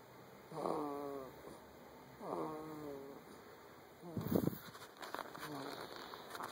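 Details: A 9-week-old sleeping young animal snores heavily, with short, whistling, squeaky noises on each breath, then a snort and softer rustling.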